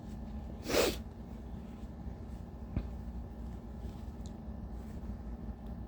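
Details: One loud, sharp uncovered sneeze over steady room noise, then quiet breathing and a faint click: tissue-induced sneezing in a tired person whose allergies have bothered them all day.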